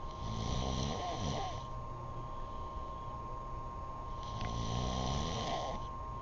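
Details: Sleeping man snoring loudly.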